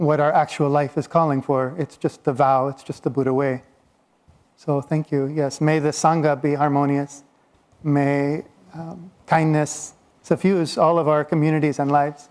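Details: Adult man speaking; no disorder.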